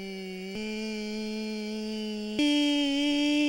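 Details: 80-year-old man with right vocal fold paralysis after thyroid cancer surgery; the fold is immobile at the midline, with hoarseness and running out of air; at raised pitch the folds lengthen, the squeeze eases and the sound improves; unilateral vocal fold paralysis.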